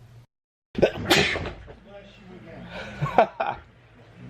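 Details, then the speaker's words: Repeated, uncontrollable sneezing: one sharp sneeze burst, then quieter breathy sounds and a couple more brief bursts. "if I saw you heaven and you keep sneezing and you're just sneezing and sneezing and you can't stop sneezing that was me"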